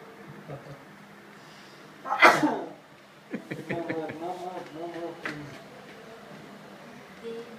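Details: A single loud, sharp sneeze, recorded by chance while waiting in a small office room, followed by a few seconds of murmured voices reacting.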